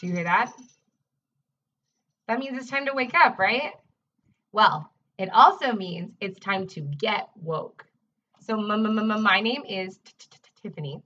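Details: Adult woman who self-identifies as a person who stutters and is also a speech-language pathologist; real, not acted: stuttering.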